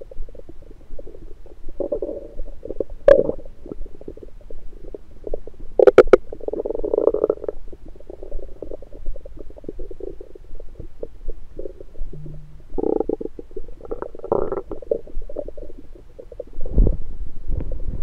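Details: Recorded with an electronic stethoscope on the abdomen in the morning after breakfast: frequent low gurgles, bubbling and croaking rumbles; active bowel sounds after a meal.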